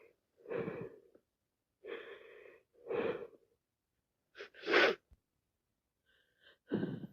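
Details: Wet sneezing and sniffles from a cold, with more sneezing after 3 minutes; breathy wet inhalations and sniffs with one sharp sneeze burst.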